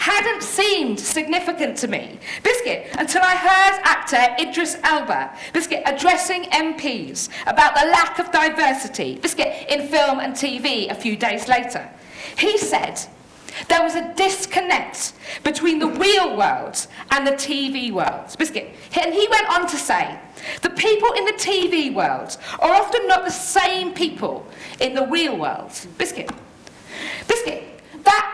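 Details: Woman with Tourette syndrome producing uncontrollable vocal tics, including repeated words; Tourette syndrome vocal tics.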